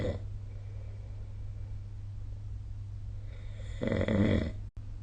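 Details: Snoring recorded with the SnoreLab phone app: a loud, rough rattling snore on an in-breath, the tail of another at the start, over a steady low hum.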